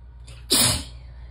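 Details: Relaxed, uncovered sneezing fit while warm and sleepy in the tub; one loud uncovered sneeze with a sharp hissing burst, then quiet.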